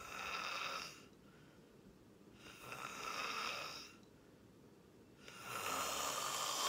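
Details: Person recorded sleeping, snoring: loud, rough, breathy snore on each breath, about 21 breaths a minute, with quiet gaps between.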